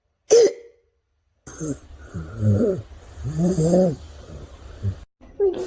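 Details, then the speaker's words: Child with croup (acute laryngitis, upper airway infection): short, harsh, seal-like barking coughs between rough, noisy breathing and a hoarse, husky voice. "it's infection of the upper Airway The Voice will become the RO and we will have a heart breathing so let's hear the parking"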